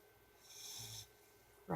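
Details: Pit bull puppy (female, Charlie) in pink blanket, sleeping and snoring: a brief hissing, snorting breath through the nose, then a short voice at the end.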